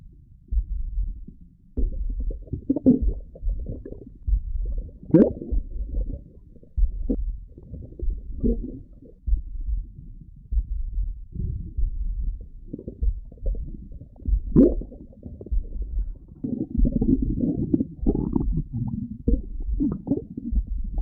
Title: stomach growling